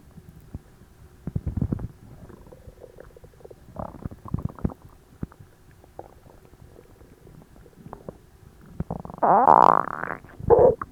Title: Too stuffed to move 😵‍💫 Christmas Dinner digestion (loud gurgles, stomach noises)